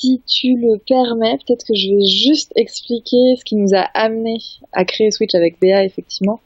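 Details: Adult woman speaking French; normal voice.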